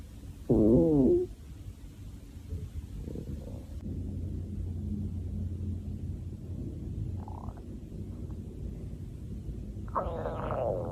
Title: Stomach Growling Vol 4